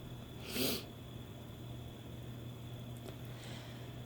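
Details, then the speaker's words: Adult woman trying Chhinkni sneezing powder for the first time, after several doses failed to work: one brief, sharp, hissing sneeze over steady room hum, then quiet; induced sneeze. "Guess it's not going to work on its own. I'm going to introduce something else to maybe get myself sneezing here."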